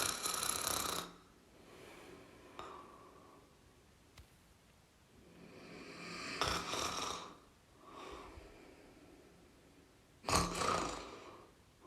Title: Snoring sounds (1 Hour)